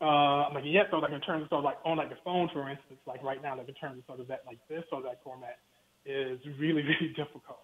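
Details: Stuttering in an adult male professor who has worked his whole life to overcome his stutter.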